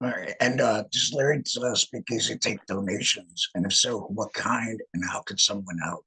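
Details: Alaryngeal speech from a male laryngectomee after laryngectomy.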